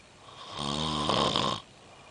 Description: 430am snoring like a thunder storm. as i cant sleep my self